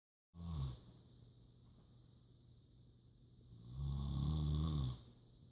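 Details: Snoring by a sleeping mother, with cats sleeping nearby: two deep, rumbling inhaled snores separated by a quiet pause in a small room; ordinary sleep snoring.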